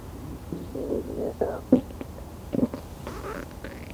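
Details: Bowel sounds of an adult napping after cycling 28 km, digesting lunch: soft gurgling and rumbling with brief bubbling bursts over a quiet background; ordinary digestive bowel sounds.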